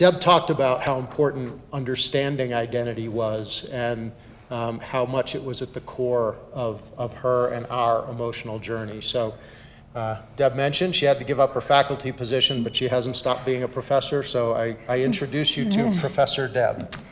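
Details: Adult male speaker; normal fluent speech.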